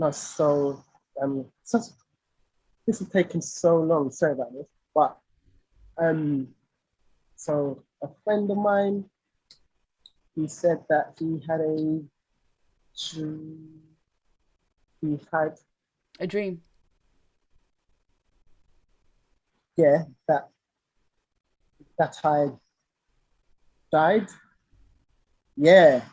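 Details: Lifelong stuttering (stammering) in an adult male singer; real conversational speech, broken with pauses and fragmented phrases.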